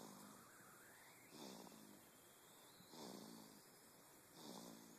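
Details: Regular rattling snoring breaths, about 40 per minute, from a baby asleep in a swing, with a steady background tone.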